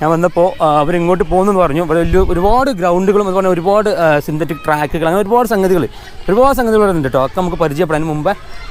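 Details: Adult male speaker; typical speech.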